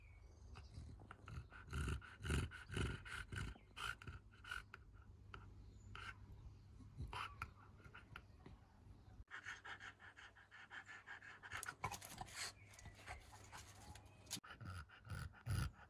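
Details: English bulldog breathing: noisy breathing typical of a brachycephalic dog.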